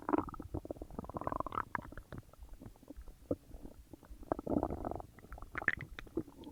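Loud, frequent gurgling and bubbling with rumbling runs: active bowel sounds during digestion after a large meal.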